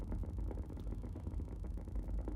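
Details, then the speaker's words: Needle EMG of a foot muscle: dense continuous crackling rumble with no gaps as contraction is increased stepwise to strong, a good full interference pattern. "go a little more a little more and a little more and a little more and relax good so we got nice good interference pattern with that one"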